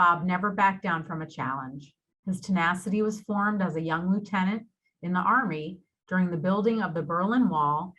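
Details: Adult woman, narrator; Normal speech.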